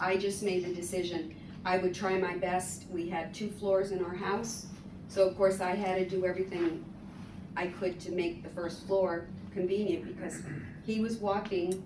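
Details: Adult woman speaking; Typical speech.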